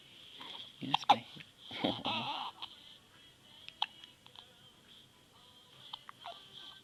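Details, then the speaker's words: Baby filmed by his new dad, a few quick, sharp gulping hiccups among soft fussing and squeaks, with faint background music; hiccups. "You got the hiccups. Yeah, you do. Yeah, you do. Yeah, you do."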